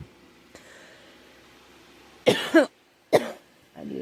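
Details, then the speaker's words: Two short coughs, the first a double, in a quiet room from a girl who thinks she is getting a cold, with a scratchy, sore throat; a dry cough. "Excuse me. Yeah, my throat's been kind of scratchy and it's kind of sore."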